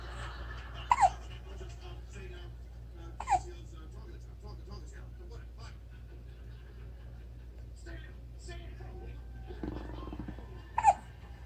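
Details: A 4-week-old has hiccups: three brief, sharp hiccup bursts with a short voiced catch, spread over about eleven seconds, against steady low room hum.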